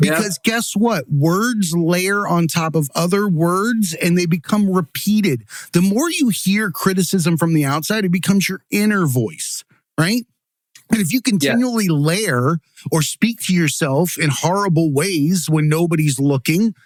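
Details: Adult man speaking; typical speech.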